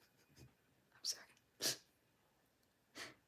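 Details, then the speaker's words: Grandfather sneezing: three short, sharp, hissing sneezes about a second apart, distant and quiet in a still room. "don't know if you guys could hear that but yeah that's that's him sneezing for to"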